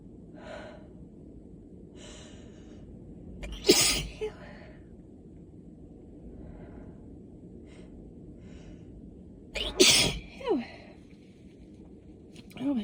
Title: Intensifying allergy sneezes